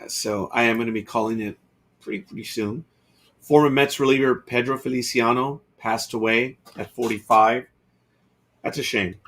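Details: Adult male who says he was actively controlling his stutter here by elongating his words; stuttering controlled with prolonged speech.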